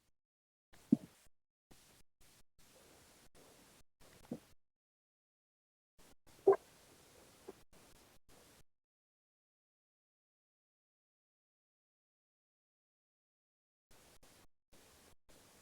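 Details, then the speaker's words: Raw Doppler ultrasound signal of bloodstream recorded by the O'Dive sensor with no microbubbles detected: soft pulsing whooshes with the heartbeat, no popping or turbulence, normal flow in a diver. "the first one here is the signal without micro bubbles detected so this is what your bloodstream would sound like to an ultrasound device if you haven't been"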